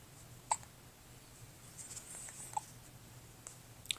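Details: A baby's hiccups: a few short, sharp gulping clicks about two to three seconds apart in a quiet room. The carer wonders whether the baby ate too much.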